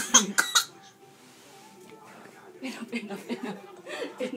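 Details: 4-month-old baby boy laughing so hard at funny faces that he starts coughing: three short, sharp infant coughs, then a pause and renewed high-pitched laughing.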